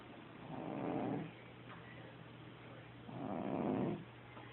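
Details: Loud snoring during sleep: two rough, rumbling snores about three seconds apart over steady room hum.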